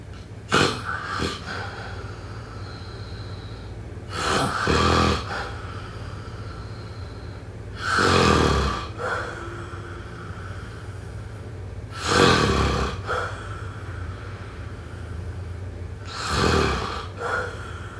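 Rough, rattling snores recurring about every four seconds, roughly 15 breaths a minute, over a steady background hum; ordinary snoring during sleep.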